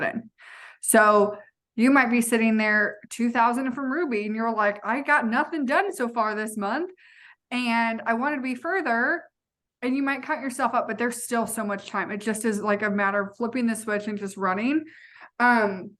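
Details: Adult woman speaking; Normal speech.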